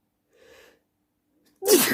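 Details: Loud sneezing at night: a faint indrawn breath, a pause, then one loud explosive single sneeze.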